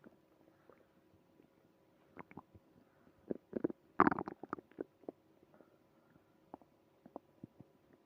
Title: Early morning tummy trouble (stomach growling)